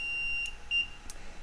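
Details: Short high electronic beeps as an LTV (light transportable ventilator) switches on in test mode, with the select button held, during a pre-use check. It runs self-checks before showing "remove patient."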